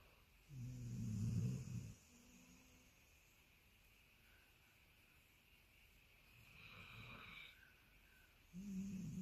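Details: Sleeping Labradoodle dog in a relaxed pose: two long, low rumbling, rattling snores separated by a quieter breath, with faint soft sleep noises; ordinary snoring.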